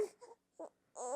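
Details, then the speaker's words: Short fussy infant cries in brief bursts with pauses, a baby that parent then tries feeding to see whether it wants to eat: infant crying. "Did everyone want to listen to this episode just to hear a baby cry?"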